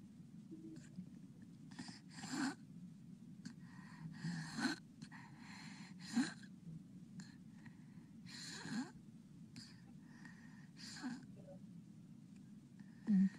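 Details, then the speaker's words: Sleeping young child, recorded 6 February 2009: snoring and irregular noisy mouth breaths without nasal congestion, with pauses while holding breath, then a sudden gasp for air after obstructive sleep apnea. "there he goes saw that now he's gasping for air the breath they took beforehand he was actually not getting anything into his lungs"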